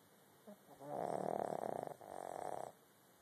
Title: snoring